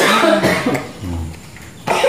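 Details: A short, harsh cough burst, then a lower rough throaty sound, with room noise; cough in a household where everyone has a cough.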